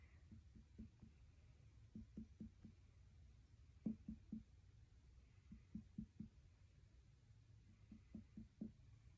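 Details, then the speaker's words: Student nurse percusses a healthy abdomen: five quick sets of three to four light finger taps giving hollow, drum-like notes over the stomach; normal tympanic percussion note. "Next, I am going to percuss your stomach. Just listen to what it sounds like."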